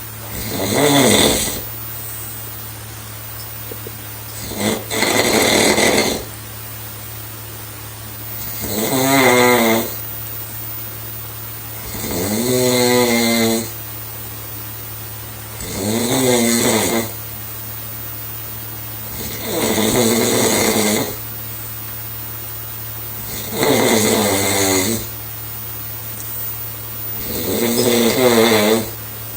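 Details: Loud, regular snoring from a sleeping young girl, about 16 snores a minute with vibrating, rattly inhalations.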